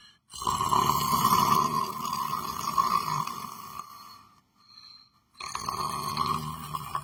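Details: Person sleeping: a loud, harsh, rattling snore on a long breath, then a brief quiet pause before the next snore begins; snoring during sleep.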